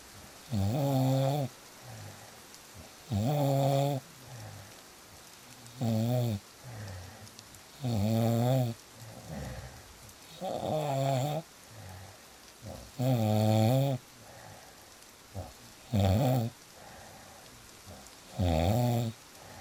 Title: • Fall Asleep Fast With Real Snoring Sounds